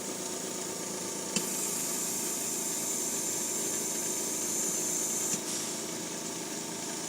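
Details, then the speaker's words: IPPB machine delivering one breath in a respiratory care demo, flow turned up so the machine outpaces the user's inspiration, pressure set to cycle off at 20: a click, about four seconds of steady gas hiss, then a second click. "you see how it didn't hang up negatively because the machine outpaces me with how much breath is coming in."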